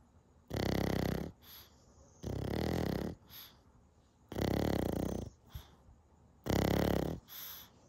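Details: Snoring from boarding dogs asleep after a day of daycare adventures: loud rattling snores about every two seconds, roughly 30 a minute, with soft sounds between. Hashtags name several breeds, including pug snoring.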